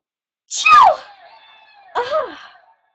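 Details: Sneezing during a run of eight sneezes: a sharp, high sneeze and a second shorter burst about a second later.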